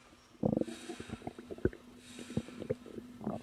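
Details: Borborygmi from the belly of a woman about 3 months pregnant, relaxing: gurgling, bubbling growls with scattered pops and squeaks. She reports feeling uncomfortable, though not in pain, since learning she was pregnant.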